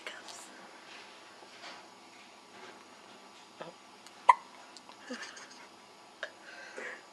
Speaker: She's only 2.5 days old and she's got the hiccups.